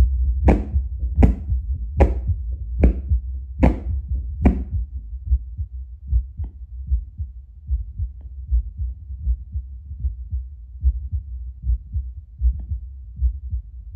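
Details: Own baseline heartbeat before drinking espresso, heard with a Bluetooth Littmann CORE stethoscope played through a speaker, about 75 a minute: steady, regular low beats, sharper taps at first then softer. Normal resting heart sounds.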